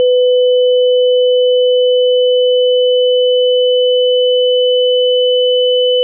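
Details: Simulated tinnitus: a steady, unchanging pure tone with a fainter higher tone above it.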